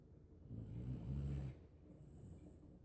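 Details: Asleep in a lap and snoring: one low, rumbling snore on a breath lasting about a second, then quiet breathing.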